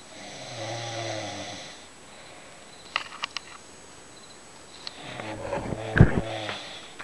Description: Mom is snoring ignore the darkness it was early in the morning so yeah